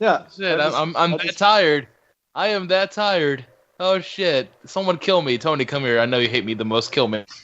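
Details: Adult speaker; no speech disorder.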